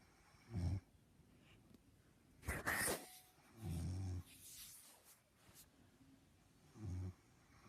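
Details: A mother asleep, snoring very loudly: low rumbling snores about every three seconds with a snorting burst between, irregular and heavy.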